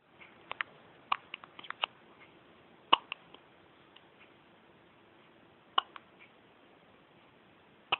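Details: Person with hiccups: sharp, irregular clicking hiccups in a quiet room, some in quick clusters, about twenty in a minute.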